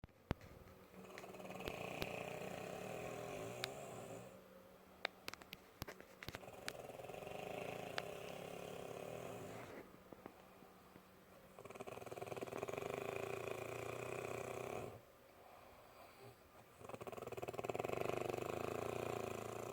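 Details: Snoring recorded around 2 o'clock: slow, noisy breaths with a rough, fluttering quality, about 11 a minute, with scattered clicks in the room.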